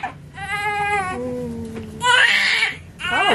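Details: Baby girl born at 38 weeks after a membrane sweep, crying just after delivery: strong, repeated high-pitched newborn wails with faint room sounds.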